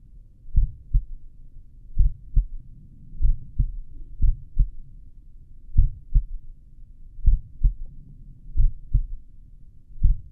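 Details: Own heartbeat recorded with a stethoscope at the apex while lying down for a couple of minutes; normal heart sounds at a slow rate, with some stretches kept from slowing further.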